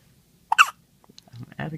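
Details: Hiccups in a 2-day-old newborn: a single abrupt, sharp catch of breath followed by soft fussing sounds.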